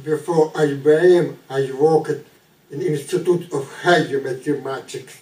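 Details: Researcher with ALS and speech issues, described as a severe but not the most severe speech impediment; dysarthria (ALS).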